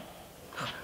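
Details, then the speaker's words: Quiet room noise, then one brief raspy, snorting breath from a nearby sleeping cat: a cat snoring. "mi tam chrapie pewnie słyszycie takie to kot"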